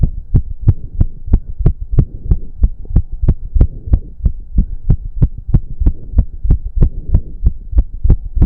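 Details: Male heartbeat during an intense cardio workout of about 15 minutes, with heavy breathing. Very fast, strong, regular beats at roughly 185–190 a minute; he reports close to 200 bpm. Exercise-induced sinus tachycardia, a normal response to exertion.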